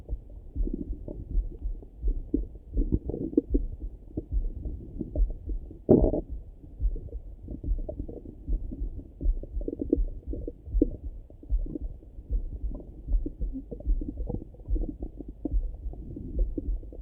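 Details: Morning stomach rumbling heard through a stethoscope: continuous irregular gurgling and low rumbling with one louder squelch, normal active bowel sounds (borborygmi).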